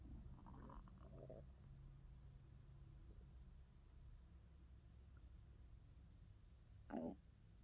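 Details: Low, soft stomach rumbling with a few gurgles and one louder squelch near the end, recorded for ASMR; stomach growling from hunger (borborygmi), with growls, gurgles and grumbles.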